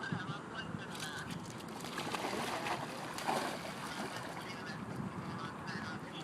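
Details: Harsh, goose-like honking coughs, described as coughing like a duck, from a dog at a dog park; the owner calls it choking. Heard outdoors with steady background noise.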